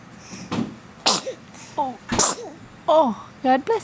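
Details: Three-month-old baby giving two small, sharp sneezes with short voiced sounds between them in a small room; sneezing.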